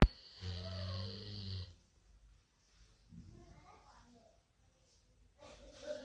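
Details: Golden retriever snoring on a Sunday morning.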